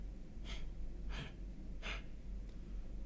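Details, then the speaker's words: Teaching example of infant gasping in pediatric respiratory failure: three abrupt, harsh gasps in three seconds, poor respiratory effort with a lot of effort for little benefit. "first off poor respiratory effort that's going to be a whole lot of effort for not a lot of good or gasping which is essentially an infants a sign of respiratory failure and you'll hear something"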